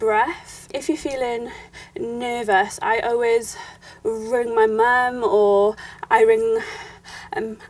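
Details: Young woman who has stammered since childhood and says her stammer stems from fear and lack of confidence; stammering (stuttering).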